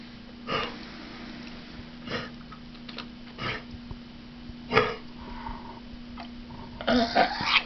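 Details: A dog gives several short, dry hacking coughs ending in a harsher burst, over steady room hum; hacking cough.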